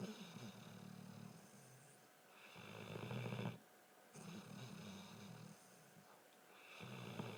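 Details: Snoring: rough, rattling low snores in long breaths separated by brief pauses, with some hiss.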